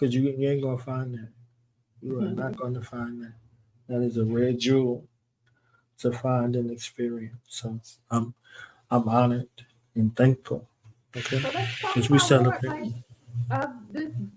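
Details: Adult man speaking; Normal voice.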